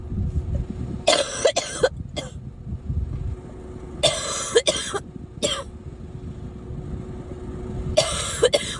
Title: Girl Coughing 360